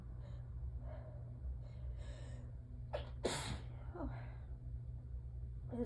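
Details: Allergic sneezing fit with hitching, peppermint held in the mouth, in a cat owner not allergic to cats: a sharp gasp followed by one loud sneeze against a steady background hum.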